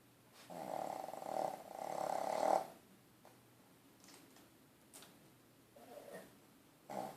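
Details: Dog sleeping in his crate: quiet, low, rumbling breath noises followed by fainter snorts; soft snoring.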